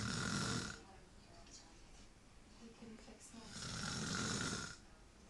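Two loud, rough snores about four seconds apart, with quiet breathing between them; ordinary snoring.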